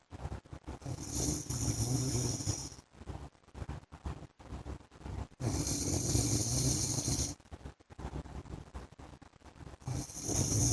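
Loud, rough rattling snores on each breath in, with quiet gaps between, about 4 breaths in 10 seconds.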